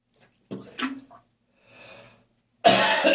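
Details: Heavy morning coughing session with gagging and spitting: a harsh cough burst, a rough breathy hawk, then a loud forceful expulsion; productive cough.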